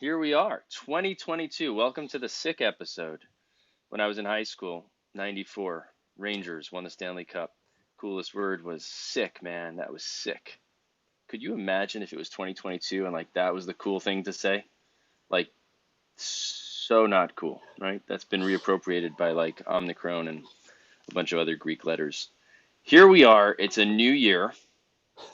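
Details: Adult male speaker; typical speech.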